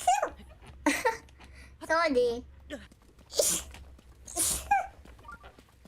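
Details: A vtuber who mentions sneezing a lot today and lately: a few sharp, noisy bursts of sneezing between brief apologetic speech, with a low hum in the background; repeated sneezing.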